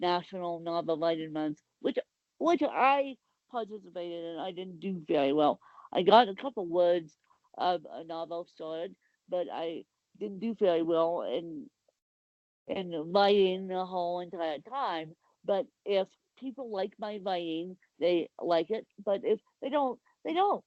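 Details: Adult woman with cerebral palsy; the specific speech difference is not named; speech in cerebral palsy (probable dysarthria).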